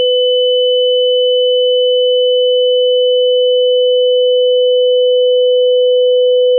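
A steady, unbroken pure tone, a mid-pitched hum with a fainter high-pitched whistle above it, imitating the constant ringing of tinnitus.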